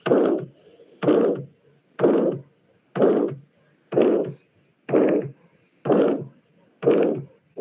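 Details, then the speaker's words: Aortic stenosis on auscultation: regular beats near 62 a minute, each followed after the first sound by a harsh, diamond-shaped systolic ejection murmur between the first and second sounds. "Este soplo se localiza en la fase sistólica entre el primer y segundo ruido, por lo que se describe como un soplo sistólico expulsivo en forma de diamante."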